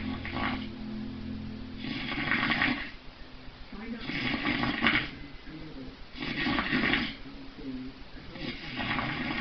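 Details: Extremely loud snoring, reported at 135 decibels: loud, rough, long rattling snores about every two seconds with quieter pauses between, over faint room sound.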